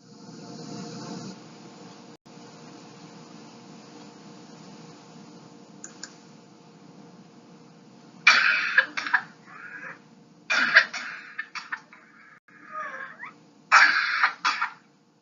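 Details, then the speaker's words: Child with whooping cough (pertussis): after a quiet stretch, severe harsh hacking cough bursts separated by noisy high-pitched indrawn whooping breaths. "in many people it's marked by severe hacking cough followed by a high-pitched intake of breath that sounds like whoop"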